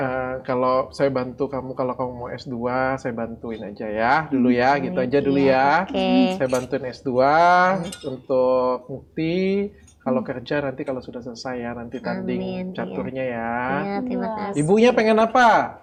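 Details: Adult man; normal speech.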